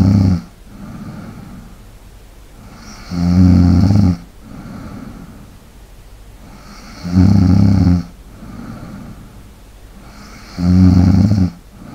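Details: ASMR snoring recording: loud, deep rattling snores on each inhalation, about 16 a minute, with softer exhalations between.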